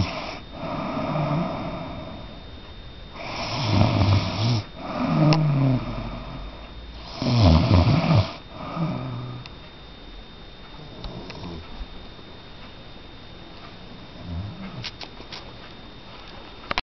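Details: Loud, rough, low rattling snores on breathing, a few cycles at an irregular pace in a quiet room; snoring.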